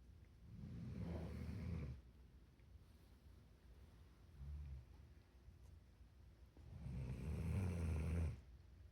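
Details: Two long, low rumbling snores on inhalation with a fainter one between, against quiet room noise; snoring.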